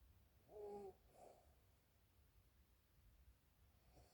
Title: Sleeping feet snoring